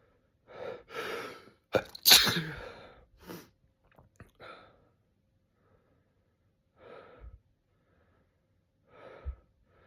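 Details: A sharp, explosive morning sneeze after a short gasping build-up, followed by quieter breaths in a quiet room; sneezing.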